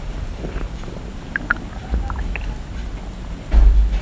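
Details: Stomach growling (borborygmi): low rumbling with brief squeaky gurgles, soft sloshing and crackles from gas and fluid moving through the gut.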